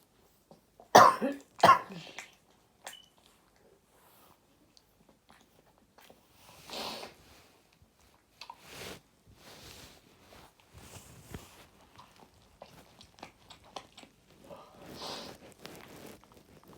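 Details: Sudden explosive sneezes in quick succession, described as three, then softer snuffling and breathy sounds; sneezing.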